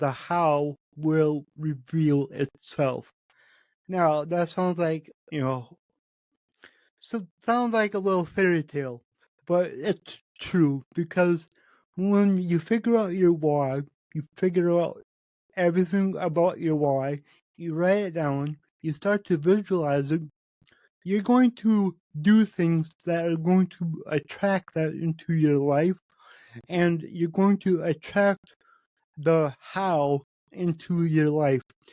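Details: Adult male podcast host with cerebral palsy, which he says affects every muscle in his body; he says his speech is much better than 8 months ago and improving with better health. Dysarthria (cerebral palsy).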